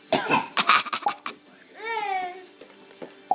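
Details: Child giving a voluntary fake cough: a burst of short, forced coughs, then rising and falling laughing or squealing.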